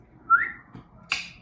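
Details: Vocal tic in a person with Tourette syndrome: a sudden short rising whistle followed by a sharp click-like sound, abrupt and involuntary.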